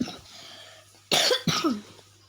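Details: Person who says they are sick: two sharp, loud coughs in quick succession after quiet room noise; cough with illness.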